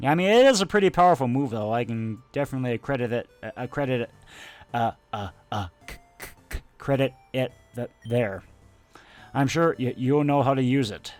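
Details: Adult male speaker; stuttering.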